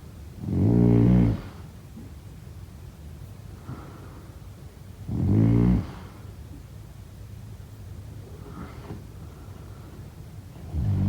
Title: #snoring #sleepnoises #snoringasmr #sleepsounds #snoringsleepingsoundeffect #snoringsounds